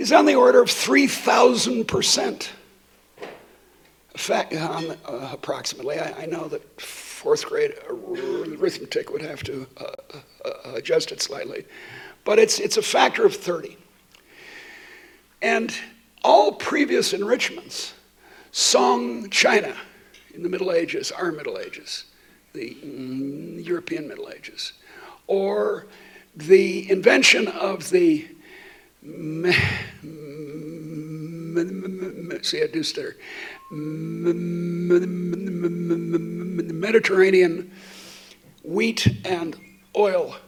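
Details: Adult woman who states she stutters, speaking while she also has a terrible cold affecting her voice; stuttering.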